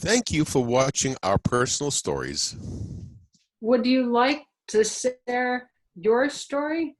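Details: Adult speaker; normal speech.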